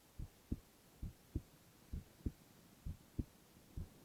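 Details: Young man's normal heart sounds, recorded continuously for ASMR with no talking.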